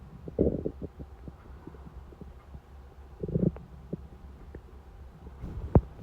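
Low gurgling rumbles with scattered clicks and a sharp gurgle near the end, typical hunger-related stomach rumbling (borborygmi).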